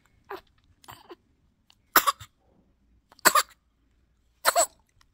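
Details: Micro preemie baby after a bottle feed, with hiccups or acid reflux, suction bulb at hand: four or five small, weak coughs with short quiet gaps; infant cough.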